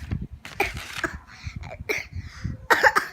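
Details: First-grade schoolgirl gives several short, harsh coughs in a row over low room rumble; a coughing bout.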